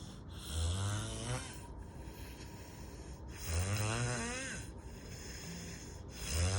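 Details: Heavy snoring: loud, low, rumbling snores with each breath, about three in six seconds, with quieter airflow between.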